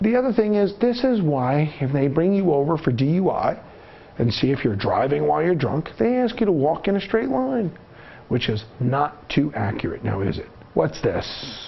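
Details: Adult male narrator; normal speech.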